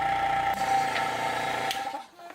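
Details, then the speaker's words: Medical suction machine being tested, with a small plastic collection cup screwed in so it still gives suction; steady motor hum with a whining tone, then winding down. "to use this machine you need to screw the small bottle into this area so then when you turn it on you still get suction"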